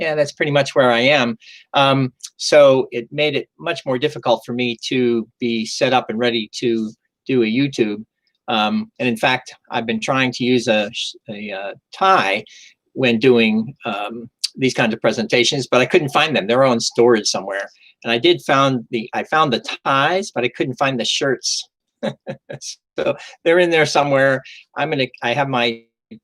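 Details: Adult man with mild residual aphasia after first stroke in 2011, years after onset; recovery took almost five years (speech regained in about 2 years); occasional stumbles; word-finding hesitations.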